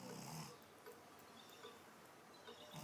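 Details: Pug dog lying on her back in the bathtub after a bath, dried off and relaxing while asleep; soft, low snuffling breaths with quiet snoring noise, ordinary sleep snoring.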